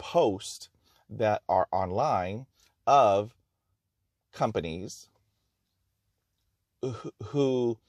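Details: Real stuttering in a person who stutters, speaking in his own talk about stuttering; he notes there is no cure, only therapies and techniques to manage fluency.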